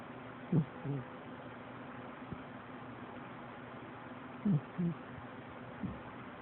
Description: My cat Tigger snores louder than my husband!